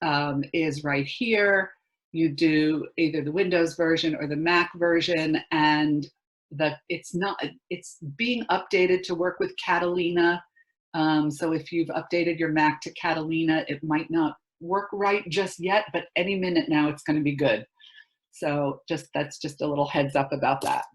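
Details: Adult speaker; normal speech.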